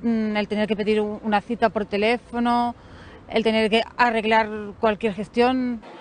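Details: Stuttering in an apparent Spanish-speaking participant at an annual meeting of people who stutter.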